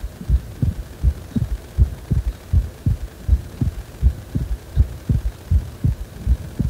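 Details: Heartbeat described as feeling as if the heart is wobbling: regular low thumps at about 80 a minute over a steady background hum.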